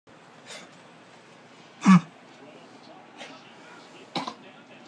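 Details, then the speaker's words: A young child gives a single sharp cough, with a few fainter sounds around it in a quiet room, apparently while recovering from a cough. "All better? No more cough? Your cough gone?"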